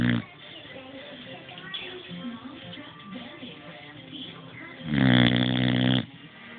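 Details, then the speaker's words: Sleeping boxer dog lying beside owner gives one loud, buzzing snore over quiet television talk and music. "okay so I'm laying with colada boxer and that's her snoring"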